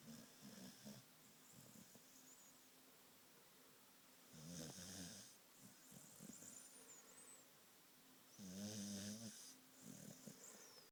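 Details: Female Australian cattle dog (red heeler) in deep sleep: soft rhythmic breathing with two louder rattling snores and faint whistly nasal sounds, about 15 breaths a minute; snoring.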